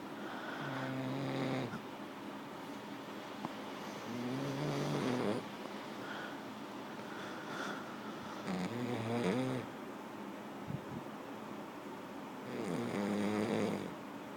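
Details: Sleeping French bulldog: loud, fluttering snores at about 15 breaths a minute, with quieter breaths between and faint room noise; snoring.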